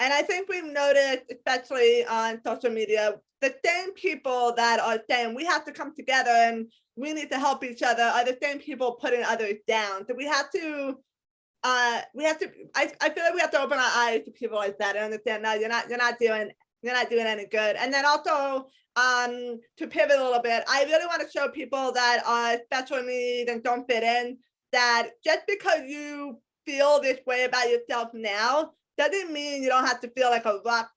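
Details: Adult woman with a lifelong disability and a self-described speech impediment despite a lot of speech therapy; some people have told her she sounds hearing impaired; speech impediment.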